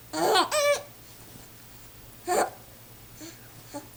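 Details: Person with hiccups while laughing: three sharp voiced bursts, two quick then one later, with faint soft catches after; hiccups mixed with giggling.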